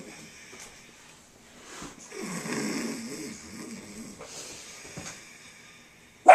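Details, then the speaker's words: Simulated snoring: a boy imitates how his mother snores, with a single drawn-out, rough, rattling breath sound over a quiet background. "This is how my mommy snores."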